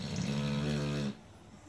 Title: Snoring dog Stellah the Boxer